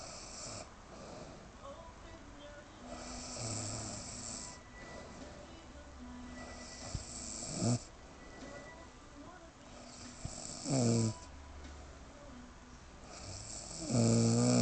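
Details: Sleeping adult woman: soft, uneven snoring with a few louder snorts over faint background music and room noise; snoring.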